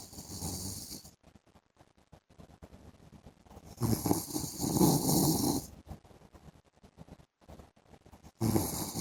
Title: PART 2 MY HUSBAND'S SNORING SOUND IN THE AFTERNOON